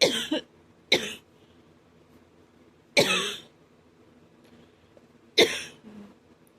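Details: A cough that hurts the chest and throat: four short, harsh, dry cough bursts with quiet pauses between them.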